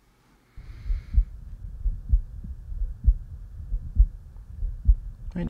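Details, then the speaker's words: Carotid auscultation in a standardized patient, head turned, breath held: regular soft pulse thumps about 65/min, no whooshing bruit; Eko electronic stethoscope, sound overlaid and edited, not exactly this patient's; normal, no bruit. "so now I'm going to listen to your neck I'm going to turn your head to the left and hold your breath"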